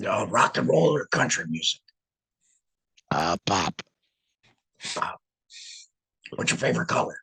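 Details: Alaryngeal speech after laryngectomy in a male laryngectomee who regained the ability to talk about a month before starting to speak publicly in this format.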